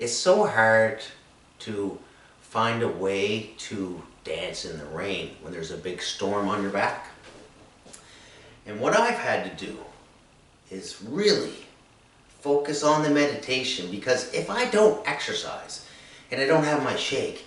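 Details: Anomic aphasia in a man, diagnosed three years after an accident with brain injury and three strokes, with word-finding trouble, word substitutions ('toilet' for 'sink') and difficulty processing and understanding speech.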